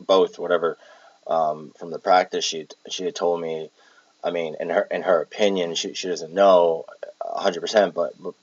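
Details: Palilalia (word repetition) in an adult with Tourette syndrome with echolalia and palilalia traits, recorded while exhausted.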